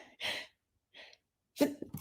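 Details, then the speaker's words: Adult gives a single sharp, hissing sneeze, followed by quiet and the start of speech. "Excuse me. See, you sneeze the truth."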